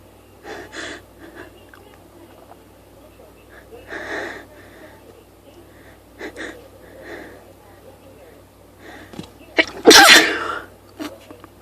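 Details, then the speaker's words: Fit of about 18 repeated sneezes, mostly soft with one loud forceful sneeze near the end, in quiet surroundings; person sniffly all day, set off by one spritz of perfume; sneezing. "I have to sneeze. Excuse me. I'm sneezing like crazy today."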